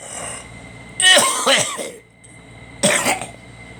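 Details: Two harsh cough bursts with a throat-clearing quality, over a steady background hum; a cough.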